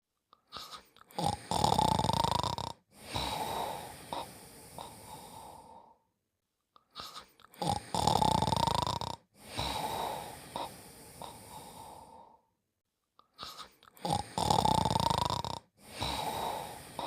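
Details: Snoring during sleep: three long, rough, rattling breaths in about 17 seconds, each with a whistling edge on the in-breath, separated by pauses.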